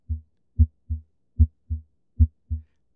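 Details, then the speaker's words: Normal heart sounds: a regular lub-dub at about 75 a minute, with a clean, crisp first (S1) and second (S2) heart sound and nothing between them. "we have the lub dub, lub dub lub dub 1212. Now it's pretty normal, you can hear it's like a clean sound for the S1."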